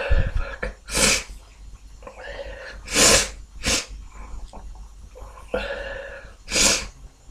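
Four loud, open sneezes with sharp gasping build-ups and sniffs between them, from one adult with a runny nose.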